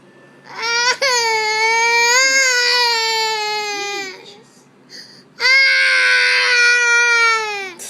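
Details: Young child in an angry tantrum over not having shoes put on: two long, loud, high-pitched wailing cries with a catch of breath between.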